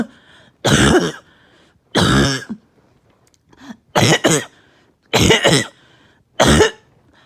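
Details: Barking cough from a patient with less chest pain than usual and on strong medication: five harsh, loud cough bursts, some doubled, about a second apart; a rough barking cough.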